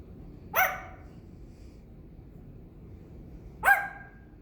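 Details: Two short, sharp cough-like bursts from a pet parrot about three seconds apart in a quiet room, followed by "what?"; parrot coughing.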